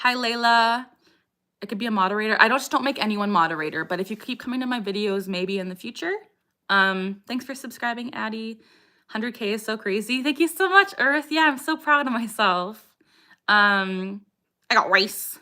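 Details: 27-year-old woman with Tourette syndrome (tics since age 3, diagnosed at 12, motor and vocal tics); frequent vocal tic phrase 'I got rice' interrupts her livestream speech; vocal tics (Tourette syndrome).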